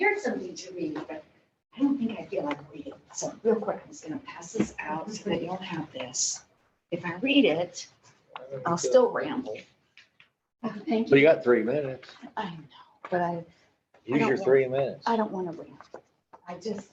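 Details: Adult woman diagnosed in 2020, about two years earlier, with spasmodic dysphonia and essential vocal tremor: spasmodic dysphonia with essential vocal tremor.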